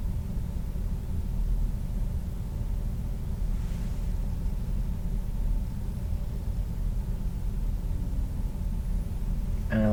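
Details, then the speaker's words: Real-person abdominal exam by a nurse: stethoscope auscultation just lower, over the iliac arteries, listening for turbulent swishing; no bruit heard, normal. "little bit lower to the iliac arteries okay I didn't hear any breweries um fair or just a good thing"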